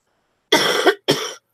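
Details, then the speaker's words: Two quick, loose coughs in a quiet room from a person with a cold and runny nose, nine days into the illness and now feeling better. "sorry guys Maddie I know I sound so annoying with the cough and the runny nose"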